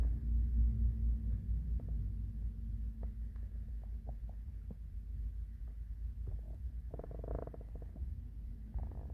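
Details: Morning hunger stomach growling: low rumbling and gurgling with irregular bubbling pops; normal borborygmi.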